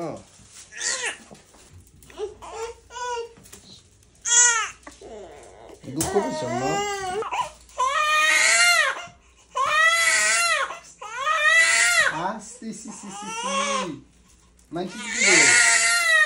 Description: baby, crying 2 months shots ￼vaccine 🇺🇸